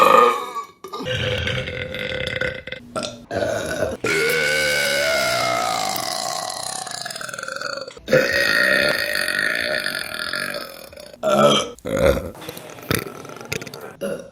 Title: Burping Compilation September 2023 #1 | RBC